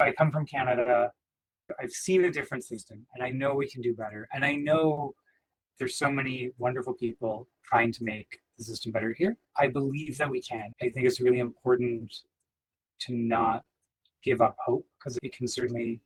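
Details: Adult speaker; normal speech.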